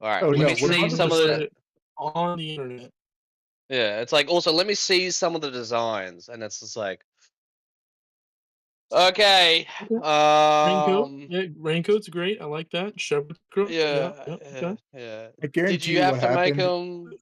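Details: Adult man who reports having a stutter that can sound like choking; stuttering.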